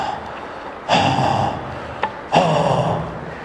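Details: Vocal imitation, during a respiratory semiology lesson, of two hollow blowing cavernous breath sounds, described as heard over a tuberculous lung cavity.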